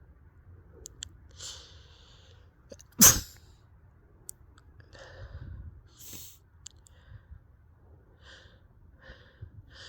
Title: messy winter chilly sneezes (extremely messy)